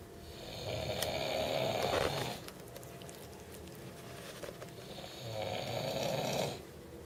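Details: Snoring: two rough, fluttering snores on the breath in, separated by quieter breathing, with faint room noise.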